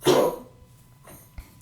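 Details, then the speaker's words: Rambo, a dog, coughing: a single harsh, forceful cough burst, then near-quiet room noise with a faint later rustle. "And that's that's Rambo. He's coughing over there."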